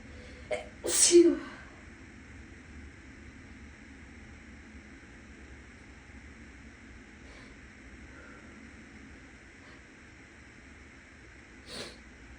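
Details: An adult who is still a little sick sneezes freely in a bathroom: a single forceful sneeze with a short lead-in breath, echoing in a small tiled room over steady fan noise from the next room.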